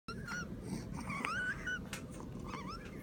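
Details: High, whistling squeaks over noisy breathing from a pet, consistent with wheezing from narrowed airways.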